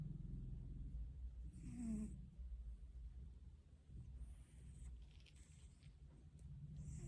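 Soft low rumbling breaths with a faint fluttering rasp during sleep, with some room noise: a cat snoring gently.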